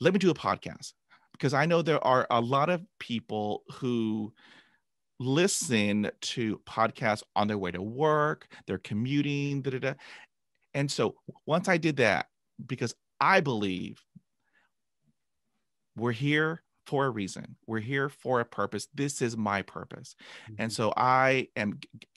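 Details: Adult man stuttering for about 45 years since a traumatic dog attack at age 5, with 20 years of speech therapy, describing repetitions and blocks; word repetitions audible; stuttering.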